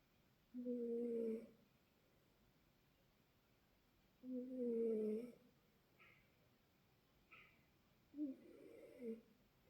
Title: Mylo Cat Snoring